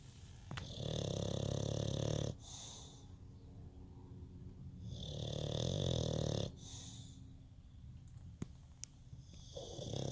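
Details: Sleeping dog snoring: slow rhythmic snoring with long low rumbling snores on the in-breath and quieter out-breaths, about 12 breaths a minute.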